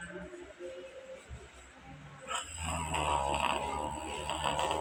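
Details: A cat snoring while asleep, tired after playing: snoring.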